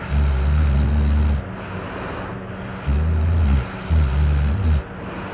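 Deep, rattling snores on each breath, about three in five seconds, over steady background hiss; loud snoring.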